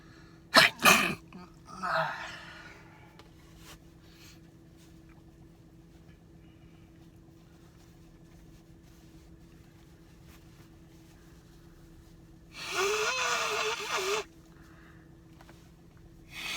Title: A sneeze & honking nose blowing in the car 🤧🎺